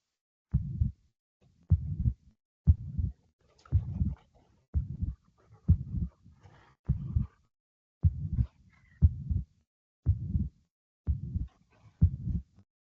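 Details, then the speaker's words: Tricuspid regurgitation: slow heart sounds, each beat followed by a soft blowing murmur filling systole, hard to tell apart from mitral regurgitation. "So as you can as you can see it's a bit it is difficult um but essentially um because it's quite similar to mital regurgitation"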